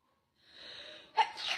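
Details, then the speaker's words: A female streamer takes a rising breath in, then gives a single short sneeze. "I'm sorry, I cannot stop sneezing."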